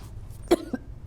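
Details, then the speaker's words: Single short cough from an adult at a senior center, with a smaller voiced catch just after, over faint room noise. "going to cough again excuse"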